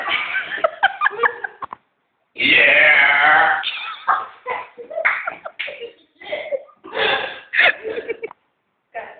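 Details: A drawn-out voiced burp among bursts of chatter and laughter; burping.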